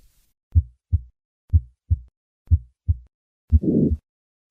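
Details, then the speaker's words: Simulated hypertrophic cardiomyopathy murmur during a handgrip maneuver: heartbeat near 60 a minute with a harsh systolic murmur, often loudest at the fourth left intercostal space and radiating widely across the precordium. "Listen once again to the change in the murmur of hypertrophic cardiammyopathy with a handgrip"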